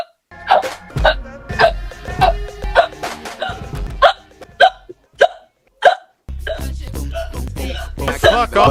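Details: Hiccup compilation: about a dozen short, sharp hiccups, some closely spaced, over steady background music.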